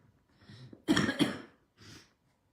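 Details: In-breath, harsh double cough with rough phlegmy edge, then out-breath: congested cough in an adult ex-smoker who quit about five months ago, during a severe feverish chest illness with exhaustion.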